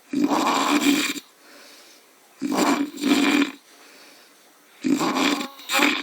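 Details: Adult man snoring after drinking too much alcohol: loud, harsh, rattling inspiratory snores, about 24 a minute, some split in two, with quiet exhalations between.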